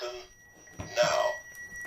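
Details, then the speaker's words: AED charging tone during CPR demonstration after "shock advised": thin steady electronic defibrillator charging tone while chest compressions continue, with faint handling and breathy noise, before shock delivered. "Now, while he is charging, we have to shock continue to perform chest compressions."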